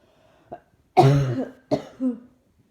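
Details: Person with sore throat and chest pain coughing: a short throat sound, then two coughs with a rough voiced tail; repeated harsh cough.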